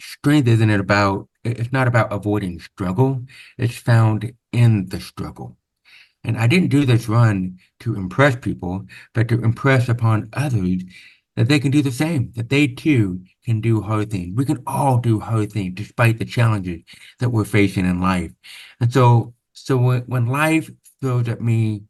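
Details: Adult man born with very severe to profound (about 90%) hearing loss, congenital onset, with over 13 years of speech therapy; real, not acted; deaf speech of a person with profound hearing loss.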